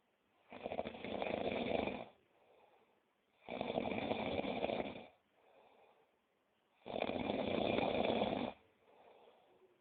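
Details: Loud, rattling snores on each in-breath, about 1.5 seconds long, with quieter out-breaths between, about 18 breaths a minute, from a sleeping person; ordinary snoring.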